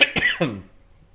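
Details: Three quick, harsh bursts from an adult who is somewhat sick, two hacking coughs and a throat-clearing, with no rattle of mucus; dry cough.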